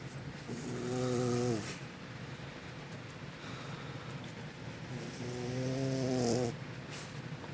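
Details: Pet soundly snoozing: two long, rattling inhaled snores about five seconds apart, with a buzzing, tonal quality. Snoring during sleep.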